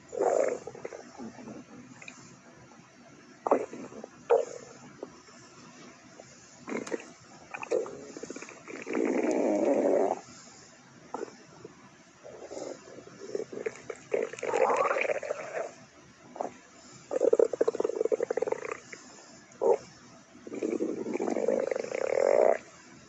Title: Clover’s stomach growl(upset stomach)